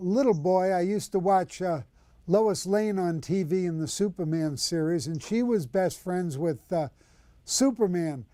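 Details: Adult male speaker; Normal speech.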